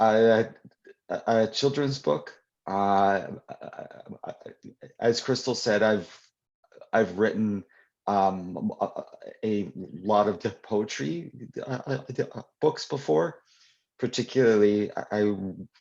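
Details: Adult poet and children's author who stutters, speaking live at a 2021 convention for people who stutter; real, not acted; stuttering.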